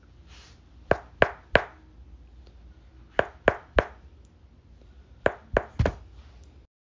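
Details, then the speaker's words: Percussion of the thorax during a nursing assessment: three groups of three short, flat taps, a dull percussion note over a solid mass such as a lung tumor. "a second variant of a dullness sound will be the presence of a tumor and it will be something like this"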